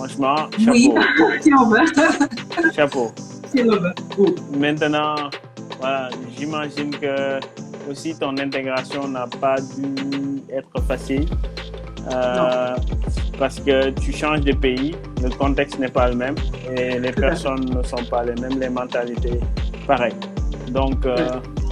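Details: Adult speaking French over background music; normal speech.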